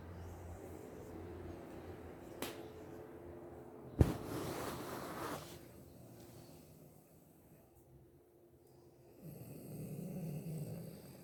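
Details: Loud, rough snoring with a sharp snort from a sleeping adult woman (mother), heard by the father from another room while watching TV; quiet background; snoring.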